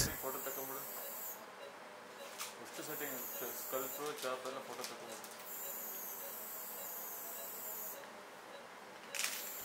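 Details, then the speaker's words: Phacoemulsification machine during scleral tunnel phaco for a very hard, dense brown nuclear cataract. Steady high-pitched hiss with intermittent clicks and soft tonal sounds while sculpting a deep trench, about 2.5–3 mm long, with the nucleus stabilized by a chopper. "the nucleus is stabilized with the chopper as I'm sculpting down the sculpting length is very small it's just about say 2.5 to 3 mm and this trench is going to be dug deeper at least about 80%"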